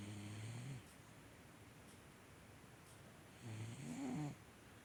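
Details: Sleeping cat snoring loudly: two loud rattling snores a few seconds apart, with steady background hiss.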